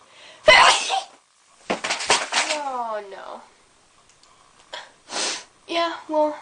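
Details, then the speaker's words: A young woman's several sharp, explosive sneezes, some with a voiced build-up and trailing cry, mixed with brief talk; ordinary sneezing. "Whoa. I'm gonna sneeze. It's tough."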